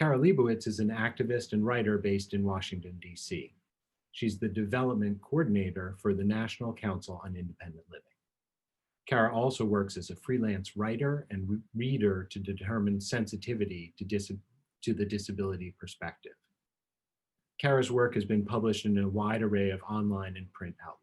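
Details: Adult speaker; typical speech.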